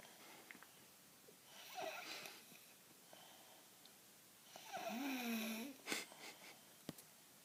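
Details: 4-year-old child snoring in sleep, said to be abnormally loud for age: two noisy breaths, the second with a whistling, fluttering snore, then a quick snort.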